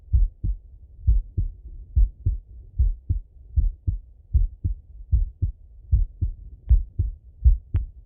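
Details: Male heart auscultation through a stethoscope, recorded sitting or lying: steady low lub-dub beats at about 77 a minute with no added sounds; normal heart sounds.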